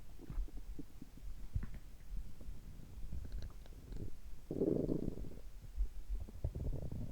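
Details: Stethoscope recording of a person's abdomen and heart captured together: frequent low gurgling and rumbling bowel sounds (borborygmi) over faint thumping heartbeats.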